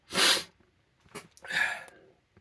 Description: I used 2 different sized paintbrushes, a thick one, and a thin one, to see which was better at inducing sneezing.